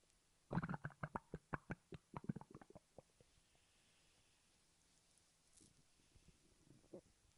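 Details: Stomach growling (borborygmi): a quick run of gurgling pops and rumbles that fades, then faint bubbling later; ordinary digestion sounds.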